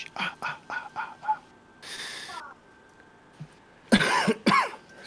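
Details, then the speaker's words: Adult who says they are not feeling well: quick run of short, dry coughs, then louder voiced bursts and a brief noise; cough. "me every now and then you will hear me cough and that is because um I'm not feeling well"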